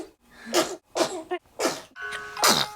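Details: A baby's sneezes: four short, sharp bursts of air, each with a soft intake before it.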